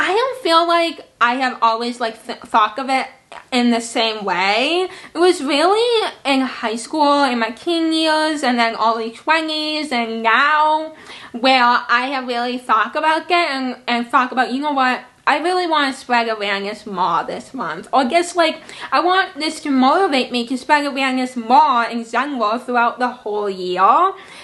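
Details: Woman aged almost 26 with cerebral palsy, a speech impairment and a visual impairment; dysarthria (speech impairment in cerebral palsy).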